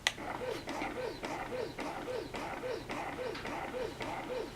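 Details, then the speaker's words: Medela Pump In Style Advanced double electric breast pump with both bottles connected: rhythmic motor whirring with suction-and-release cycles at roughly 110 a minute. "So now the bottles are both connected, and I'm going to start the suction so you can see what it sounds like."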